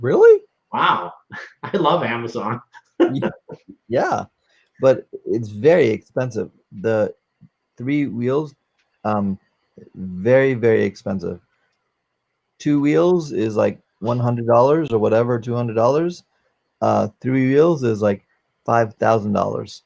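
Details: 44-year-old man, former paramedic, with post-stroke aphasia following a stroke during valve surgery; cannot use one arm; aphasia.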